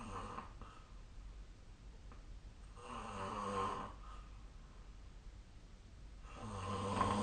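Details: Snoring during sleep recorded with the SnoreLab app: rough, rattling snores on each in-breath, about 17 a minute, with quieter exhalations between and faint room hum.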